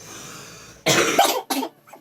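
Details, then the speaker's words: Two short, harsh cough bursts from an adult who is losing their voice after screaming the day before, the second weaker, in a quiet room; a single cough episode. "I started losing my voice."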